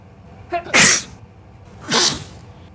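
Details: Staged, simulated sneezes in a Tamil sci-fi comedy short film: two sharp, hissing sneezes, the first preceded by a brief intake.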